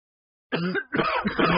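Two short, rough, voiced cough bursts in quick succession from an adult, close to throat clearing.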